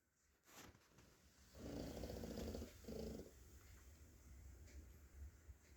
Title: Cute Pug Snoring